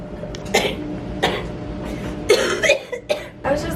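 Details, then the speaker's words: Person with cystic fibrosis, tired out, laughter breaking into several short, harsh coughs over a steady background hum: a laugh cough. "What are you laughing about? Or I guess that's a laugh cough. Um a laugh."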